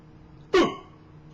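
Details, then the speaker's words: Baby daughter with hiccups for about 12 hours while a parent tries to scare them away: a single abrupt, short voiced catch against quiet room noise; infant hiccup. "okay we got to get rid of your hiccups we got to get rid of them they got they got to go had the hiccups for like 12 hours we going to scare them away"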